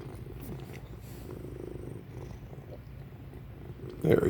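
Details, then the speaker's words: A cat purrs steadily, then a single abrupt jolt breaks through: a hiccup. "he's purring and then he decides to hiccup I need one buddy that was one of the hiccups"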